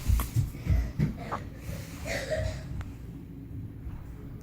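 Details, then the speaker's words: Repeated hiccups: several short, abrupt, low gulping sounds at intervals, then faint room noise. "You sure is having so much hiccups."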